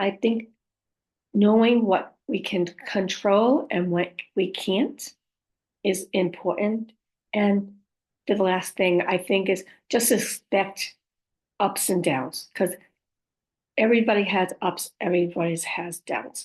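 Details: Speech of a female stroke survivor who reports aphasia, apraxia of speech and dysarthria; aphasia with apraxia of speech and dysarthria.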